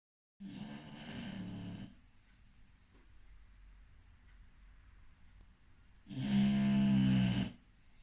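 Two loud, buzzing snores with a quiet gap between them in a still room.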